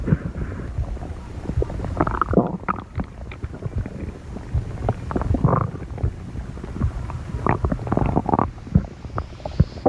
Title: stomach growling 17